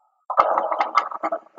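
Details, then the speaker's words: Teaching example of lung auscultation: coarse, rattling, gurgling breath sounds, rhonchi, from air passing through secretions in the airways, described as often related to pneumonia. "é um pouquinho mais grosso então o ronco ele determina assim uma quantidade de secreção então quando o ar passa tá o que que acontece ele passa pela secreção que tá ali na via aérea e gera esse barulho então que a gente caracteriza como ronco"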